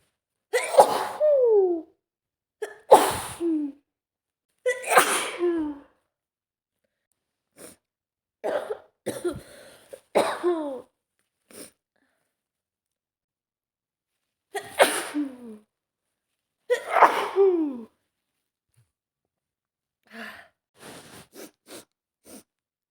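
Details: Adult woman sneezing repeatedly, about six voiced sneezes with falling pitch, with sniffles and short breaths between them; the recording also includes male sneezes.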